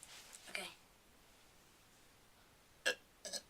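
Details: Three brief, breathy voluntary burps separated by quiet pauses; belching.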